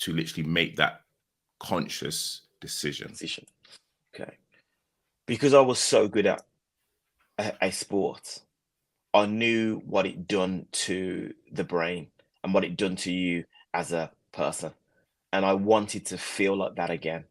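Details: Mild stuttering in an adult man who stuttered badly as a young man around 19 and says he has since largely managed it, so it may or may not be heard now.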